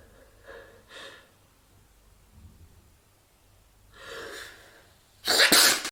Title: my friend and i are hiding (holdback sneezes)